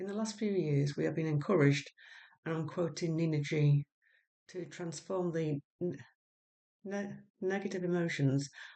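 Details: Stammering in an adult woman who has had speech and language therapy.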